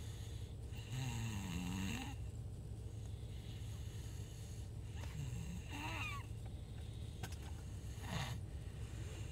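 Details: Snoring: repeated honking, nasal snores with squeaky whistling on the breaths, about every three to four seconds, over steady room hum.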